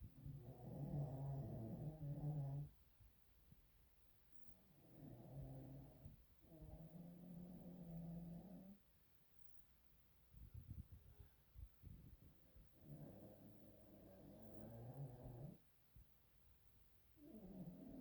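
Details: Simba snoring: repeated low, rattling snores with each breath, every three to four seconds, quieter breathing between.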